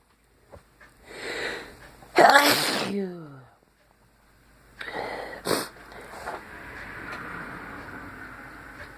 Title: It may be a short sneezing fit but it was intense